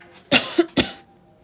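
Two short, sharp coughs with a brief vocal sound between them, in a quiet room.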